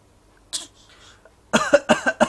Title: baby acting cough, 6 month.